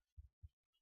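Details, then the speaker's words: Nursing assessment: the heart is listened to with the bell of the stethoscope at the apex (fifth intercostal space, mid-clavicular line, where the apical pulse is counted). Two low thumps form a lub-dub pair; normal first and second heart sounds. "Next, I'm going to listen to your heart sounds with the bell of my stethoscope."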